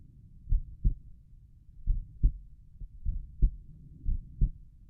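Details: Own heartbeat at Erb's point, recorded lying down and trying to relax: slow, steady paired lub-dub sounds at about 50 beats a minute with a faint low rumble between beats.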